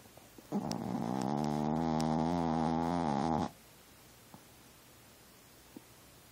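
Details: Snoring, owner says she snores like an old man or a bear: one long, deep, rumbling snore of about three seconds on a single breath, then quiet room noise.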